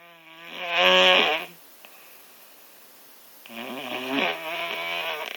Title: Snoring when your sick